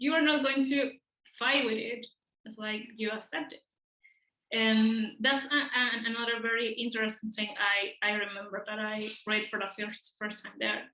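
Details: Adult man, speech therapist and professor who stutters, with audible part-word and word repetitions; stuttering.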